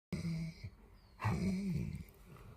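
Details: Two low, droning breath noises from a sleeping dog, soft and not loud; snoring.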